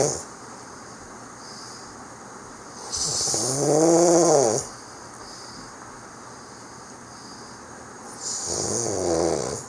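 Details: Two loud, buzzing, vibrating snores on breathing in, about five seconds apart, with steady background hiss, from a friend sleeping during a Christmas holiday visit in 2018; snoring.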